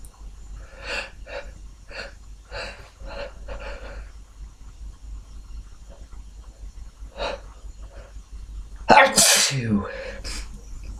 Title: Sniffles, fewUnstifled, few stifles, few nose blows and some very stuck sneezes toward the end!